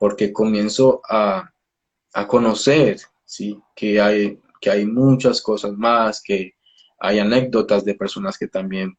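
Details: Adult male speech-language pathologist who stutters, speaking Spanish; stuttering.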